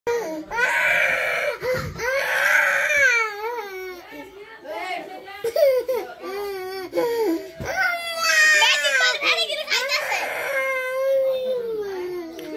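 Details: Young child crying in sobbing, wailing bursts with catches of breath between them, in a small room.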